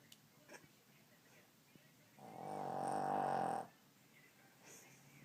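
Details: A single droning snore lasting about one and a half seconds from a dog in a quiet room; snoring.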